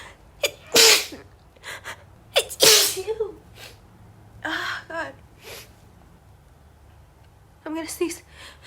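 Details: Staged re-enactment of a female speaker warning she'll sneeze, then an uncontrollable sneezing fit: several loud, explosive sneezes in quick succession with brief apologetic talk between; repeated sneezing.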